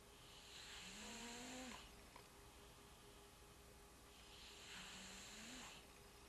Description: This is my cat Kiddo having sweet dreams while snoring.